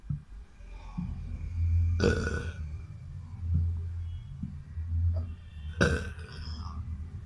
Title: Burping Boy